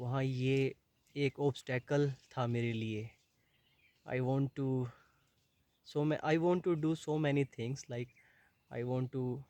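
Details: Adult man who has stammered for about 20 years and had never disclosed it before, filmed at a stammering boot camp, speaking Hindi and English; stuttering.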